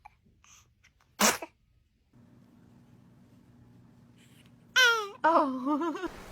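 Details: Baby described as sneezing for the first time: a single sharp sneeze burst, then after a pause brief infant cries, over low room hum; sneezing.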